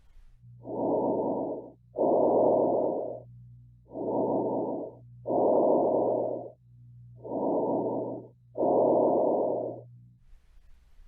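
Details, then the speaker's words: Loud, harsh, hollow breaths about 18 a minute, with a longer breath out after a brief silent gap: bronchial breath sounds, normal over the windpipe. "if you hear abnormally located bronchovisicular or bronchial breath sounds assess transmitted voice sounds while auscultating the chest again ask the patient to say 99 99 99"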